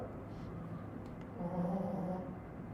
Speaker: by the way, if you can hear the snoring, that's my dog. That's not me.